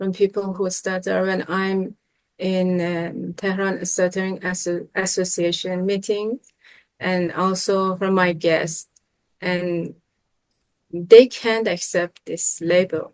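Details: 25-year-old Iranian man speaking Persian who has stuttered since middle school; professional speech therapy brought significant improvement but some stuttering remains; stuttering.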